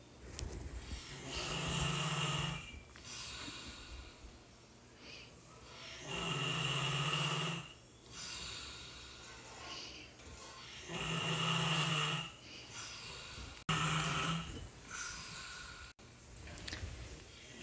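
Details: Man asleep: loud, rough, rattling snores on each in-breath, about four in the clip with quieter breathing between; ordinary heavy snoring.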